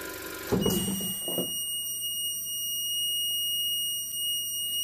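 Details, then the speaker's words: Respironics Millennium oxygen concentrator unplugged during a teardown after warming up: a thud, then a steady high-pitched beeping alarm over a faint hum, its power-failure alarm. "as it's beeps because these things is a power cut"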